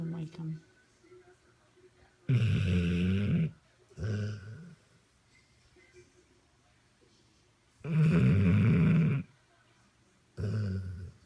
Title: Dog snores in deep sleep